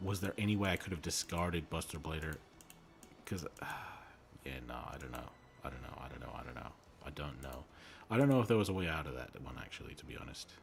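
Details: Streamer with a self-reported speech impediment who says he stutters and normally edits it out of his videos; repeated words heard; stuttering.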